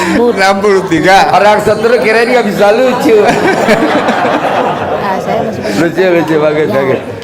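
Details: Adult male speaker, with possible second voice; Ordinary conversational speech.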